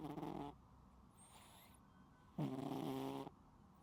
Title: 失眠有救！聽完一起睡著🐱貓主子全程療癒鼾聲～無剪輯可愛記錄|My Cat Snoring LOUDLY 😴 Unedited Video of The Cutest Sleepy Sounds